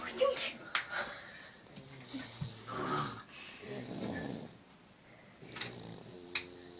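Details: Soft rattling snores from a sleeping 8-year-old child, with nearby talk and room noise: snoring.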